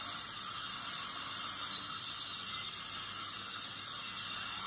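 Continuous high-pitched whine of a dental drill with hissing water spray, from surgical extraction of a wisdom tooth.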